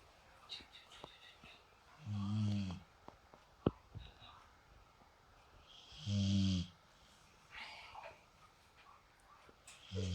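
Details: Low rumbling snores about every four seconds with quiet breathing and small sniffs between, about 15 breaths a minute, from a sleeping pet dog: snoring.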